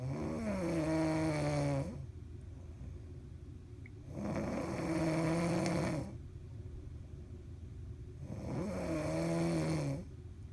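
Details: Adult snoring while asleep and tired on a cruise: loud, droning snores on each in-breath, about 15 a minute and fairly regular, over a steady engine-like background hum.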